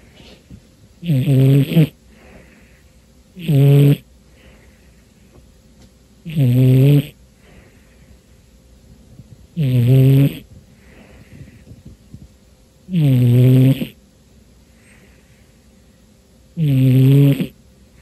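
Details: Romeo, a cat, deep asleep on a New Year's Day afternoon: six loud, rattling, throaty snores with quiet pauses between, about 18 a minute. He snores most of the time, especially when very tired.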